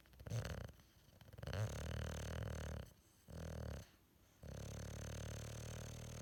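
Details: Sleeping bulldog in a comfy position, with the quiet parts edited out: loud, low rattling snores in long breath-length bursts with short pauses between; flat-faced dog's snoring.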